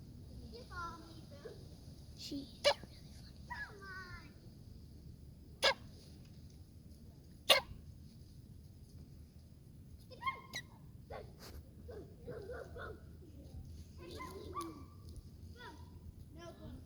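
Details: A chicken makes about four sharp, brief snicks between soft clucks and chirps: sneezing.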